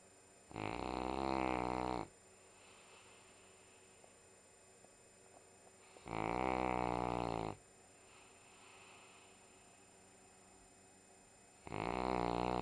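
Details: Female sleeping during a Sunday morning nap: three loud, rattling, drawn-out snores about five seconds apart, with quiet breathing between; heavy snoring.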